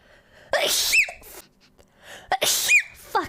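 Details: Two sharp, high-pitched sneezes in quick succession, each with a brief voiced onset and explosive release, from a streamer's sneezing compilation recorded 2021–2025.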